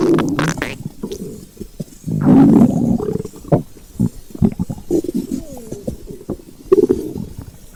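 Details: Gurgling, rumbling and squeaky bubbling belly sounds, hunger rumbles of normal gut activity: stomach growling (borborygmi).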